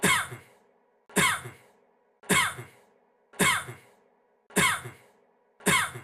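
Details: Acted single short, dry cough from a music teaser, repeated about once a second in a loop six times.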